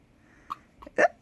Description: Morning hiccups 4 days old. 5-23-20